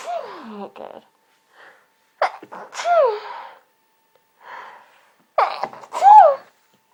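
Short squeaky sneezes repeated in quick succession, with brief pauses between them.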